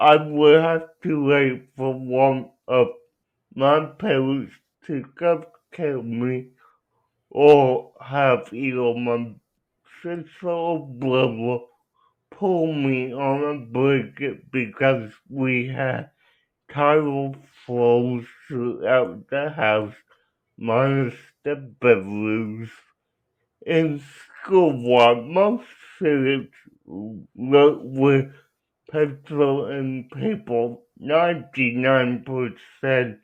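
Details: Young adult man with cerebral palsy who uses a wheelchair; dysarthria due to cerebral palsy.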